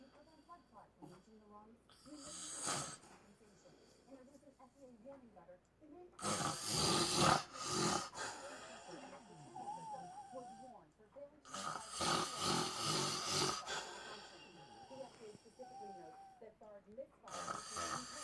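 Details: Snoring from a sleeping husband: loud, rough snoring bursts on breathing in, about every five to six seconds, with quieter breathy sounds in between.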